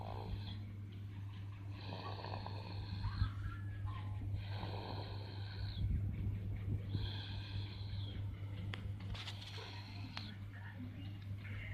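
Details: 5-month-old sleeping baby: soft rhythmic snoring breaths over a steady low hum; a small child's crying was reportedly heard unexpectedly in the recording; infant snoring.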